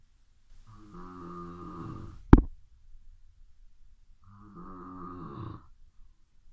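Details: Two low, rattling snores on breathing in, a few seconds apart, with a brief click between them, at midnight: snoring.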